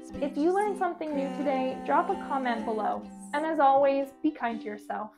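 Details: Adult woman speaking; typical speech.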